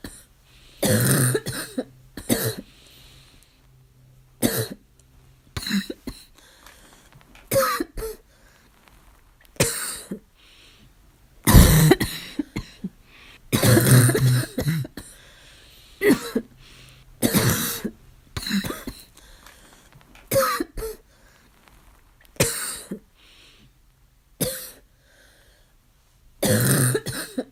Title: Coughing fit - still barking